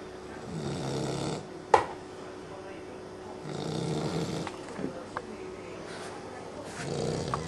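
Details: A 12-week-old puppy snoring: soft rhythmic snoring breaths about every three seconds, with a few faint clicks and room noise between them.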